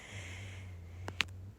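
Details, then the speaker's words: Pitbull sleeping in a bedroom: a quiet breathy exhale, then two short nasal snorts over a steady low room hum; dog snoring. "i am in the bedroom of voicing over and my pitbull is snoring next to me so if you guys can hear her snoring i am sorry"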